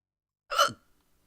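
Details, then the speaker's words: A single sharp, voiced hiccup, a sudden catch in the breath cut off abruptly, from an adult reading aloud during a bout of hiccups that makes the eyes water and the stomach hurt. "Well, now you know what I sound like when I hiccup. Oh, it's making my eyes water."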